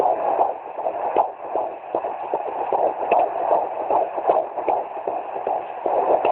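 Rapid whooshing galloping pulse of a fetal heart on Doppler, roughly 150 beats a minute.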